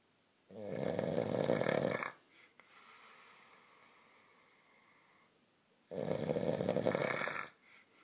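Two loud, harsh snores on the in-breath about five seconds apart, with quieter breathing out between them.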